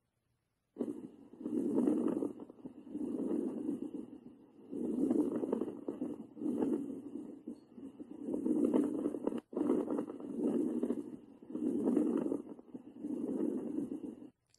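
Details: Crackles.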